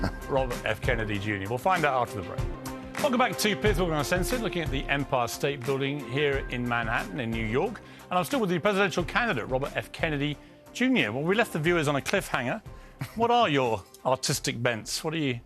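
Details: Adult male interviewer; normal voice.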